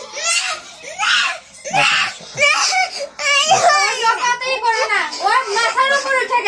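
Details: Upset, angry young child crying with repeated sobbing, wavering whimpering pitch and catching breaths between cries.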